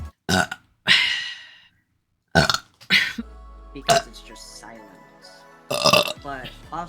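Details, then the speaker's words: Vtuber burping after finishing water: several short, loud belches separated by pauses, with quiet music underneath; repeated burping. "Wow, excuse me. Excuse me. Ooh, that was much better."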